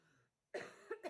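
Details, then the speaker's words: Cough from an adult speaker during a spoken recording, attributed by the speaker to an intense physical "expansion." "And I'm coughing because I was just going through an immense expansion physically."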